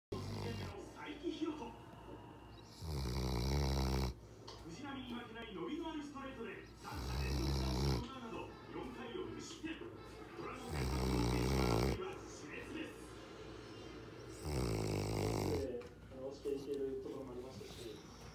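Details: A Newfoundland dog sleeps after eating, with loud, deep, rattling snores on each breath in, roughly 15 breaths a minute, and quiet breathing between; snoring.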